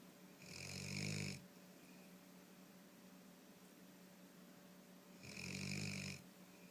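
Two slow, fluttering snores about five seconds apart, each with a raspy, hissing edge, quiet between. Ordinary snoring, roughly 12 breaths a minute.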